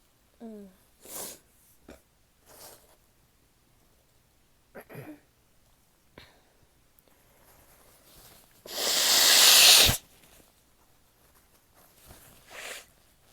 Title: sneezing, and some nose blowing (f)